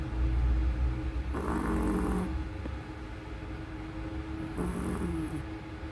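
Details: A sleeping Chihuahua dog: two loud, rough snoring breaths over a low rumbling background hum; snoring.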